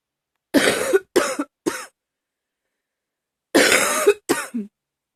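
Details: Repeated coughing: five loud, harsh coughs in two bursts, three then two, with a quiet pause between.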